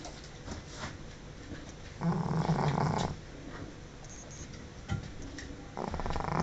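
Rough, snorting snores from a sleeping small dog amid fluttering breath noise; loud snoring typical of a flat-faced breed.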